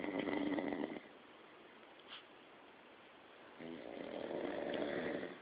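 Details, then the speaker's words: Snoring while lying on his back: raspy, buzzing snore on the in-breath, repeated on the next breath after a short quiet pause. "He's laying on his back and he's snoring."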